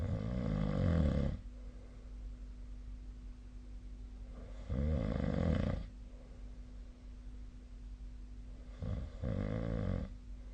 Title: 🐽 本日のイビキ / Snoring Sleep Sound 2025/02/25